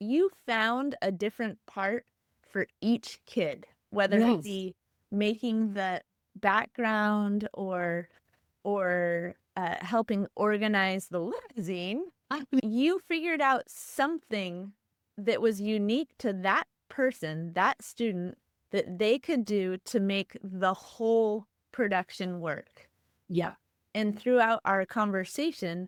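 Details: Adult woman speaking in interview; normal conversational speech.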